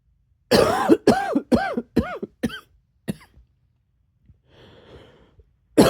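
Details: An adult's run of six voiced coughs that fade out, a breath in, then another cough begins; became a little barky at the end.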